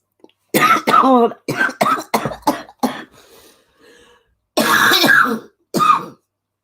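A run of about eight harsh, voiced cough bursts and throat clears from an adult, with brief quiet breaths between: a coughing fit with throat clearing.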